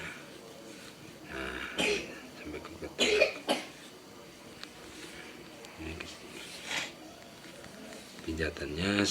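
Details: Child with flu, cold and cough during a back-massage session meant to ease breathing: about three short, harsh cough bursts in a quiet room with faint background noise.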